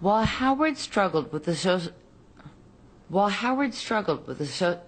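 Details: Adult woman recorded while genuinely drunk, reading a script and struggling to say simple words; slurred speech (alcohol intoxication).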